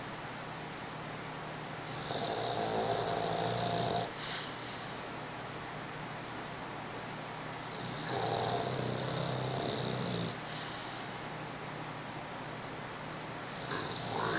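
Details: Sleeping dog snoring: drawn-out whistling, fluttering snores, about three in fourteen seconds, roughly 13 breaths a minute.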